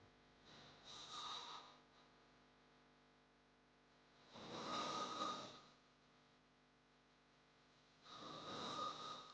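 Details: Snoring sound-effect recording: three loud rough snores about four seconds apart, roughly 16 a minute, quiet gaps between; hard snoring.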